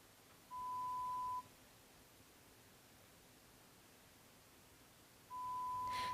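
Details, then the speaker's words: Two steady pure-tone beeps about a second long with silent gaps: air conduction pure-tone audiometry on an adult client through insert earphones, one ear at a time, responding by button press. "the procedure for establishing an audiogram from an adult client begins with air conduction testing using pure tone stimuli headphones or these insert earphones are used to deliver the stimuli to the clients ears one at a time the client responds to the sounds they hear usually by pushing a response button"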